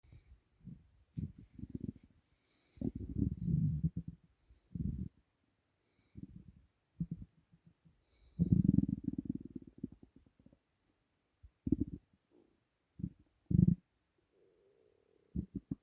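Low gurgling and rumbling bursts at irregular intervals with quiet gaps; ordinary bowel sounds of an empty stomach.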